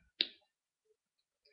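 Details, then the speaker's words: A single sharp click of the teeth snapping together in a quiet room: a biting motor tic (teeth clicking) in a person with a tic disorder who also rubs and grinds their teeth. "And then I bite, but not like how most people do it. I do this,"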